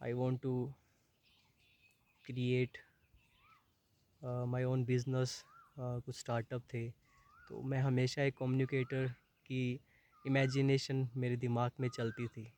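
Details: Adult man with stammering for about 20 years since around class 6, worse in college and meetings, with blocks when reading aloud; stuttering.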